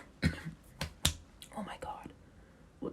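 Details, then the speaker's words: A woman talking into a microphone chokes on her own saliva and gives three sharp, abrupt coughs close to the mic; a brief reflex cough. "that sound terrible into the microphone? I've never coughed into the microphone, guys. I just choked over my own spit."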